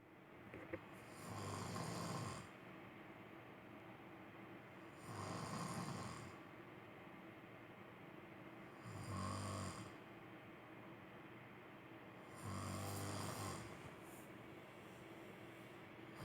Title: Snoring husband 코골이 남편